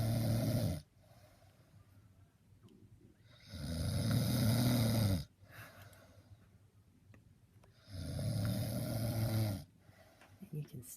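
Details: A dad snoring while asleep; snoring.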